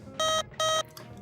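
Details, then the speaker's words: Low-priority alarm on a Vapotherm Precision Flow high-flow device: infrequent intermittent electronic tones, two spaced steady beeps, meaning the fault should be addressed as soon as reasonably possible. "a low priority alarm however needs to be addressed as soon as reasonably possible and is indicated by infrequent intermittent tones that will sound like this"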